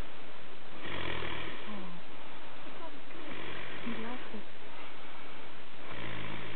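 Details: Adult man snoring loudly at night: rough, low snoring, three snore bursts over about six seconds, each roughly half a second to a second long.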